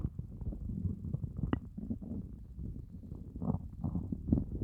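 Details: After fasting for over 30 hours, low continuous rumbling and gurgling with groaning swells from the belly. This is ordinary hunger stomach growling (borborygmi).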